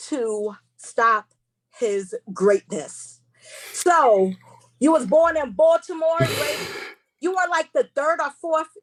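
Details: Woman who identifies herself as a stutterer, with stuttering heard while hosting a seminar; she warns listeners she will stumble across words: stuttering.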